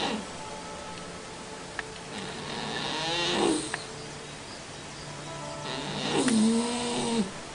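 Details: Soft, slow, whistling-wheezy breathing sounds rising with each breath from a cat snoring gently in deep, relaxed sleep.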